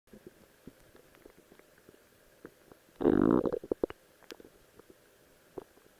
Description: Just wanted to show off my new Cosplay Outfit of Rose while my stomach is growling!